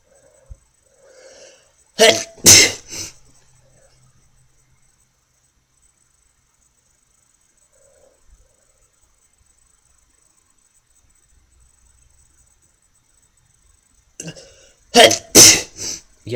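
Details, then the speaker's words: Man deliberately triggering sneezes by pushing a fingernail against the nostril wall: two clusters of quick, loud sneezes separated by a long quiet pause. "and you get take your nail and you just push it back to that wall not too hard you don't want to hurt yourself push it and then you to want to start sneezing see I'm done but watch ready I can do it again"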